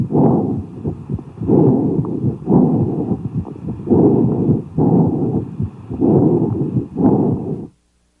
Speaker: these sounds are also called amphorus breath sounds expiration is equal in length to inspiration but lower in Pitch there is a pause between inspiration and expiration and the Heart tones are Audible